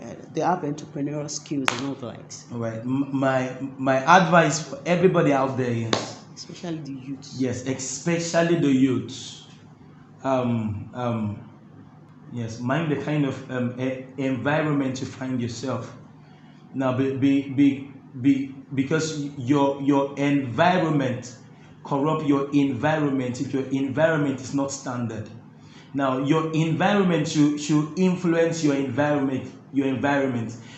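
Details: Stuttering (stammering) in an adult male interviewee who says his stammering makes talking difficult, though his singing flows with ease.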